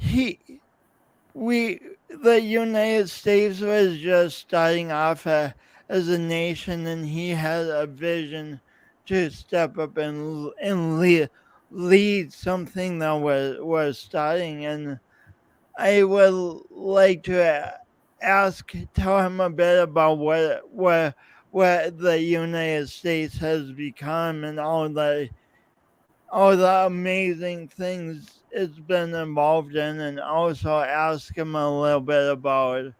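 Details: Lifelong speech impediment with coordination differences in an adult podcast host speaking about his own condition; real speech with disfluency.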